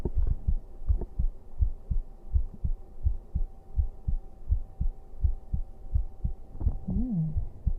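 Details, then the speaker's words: A man's own heartbeat, played on a livestream while he lies down to sleep: steady, soft double thumps at about 85 per minute over a faint hum, with a brief voice near the end; normal heart sounds. "永 久 保 存 版 心 音 聞 か せ て や る か。 抱 き し め な が ら 俺 寝 る よ。"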